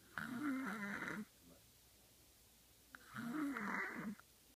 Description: age 5, snoring early in the morning